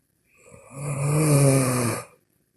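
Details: One long, low, buzzing snore on a breath, about two seconds, while sleeping in a quiet room; ordinary snoring.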